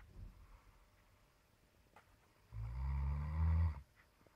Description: my roomate snoring!!!